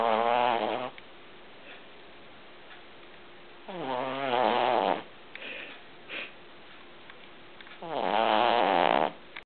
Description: Our cavalier puppy snoring